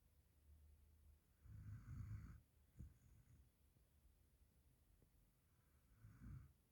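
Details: Indian mixed-breed dog snoring in sleep: soft, low snoring breaths with a brief snort between them in a quiet room; light snoring.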